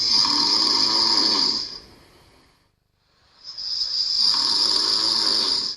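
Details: Man with obstructive sleep apnoea recorded while sleeping: two loud, harsh snores separated by a brief near-silent pause.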